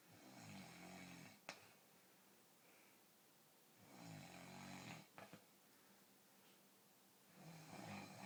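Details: Adult man snoring while asleep, unaware he snores: three rough, rattling snores on in-breaths about 3 seconds apart, roughly 20 a minute, with a brief snort between; ordinary snoring.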